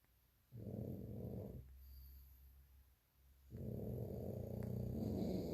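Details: Snoring from Aisha, a sleeping pug (flat-faced breed): two long, loud, vibrating, rattling snores with a quieter breath between.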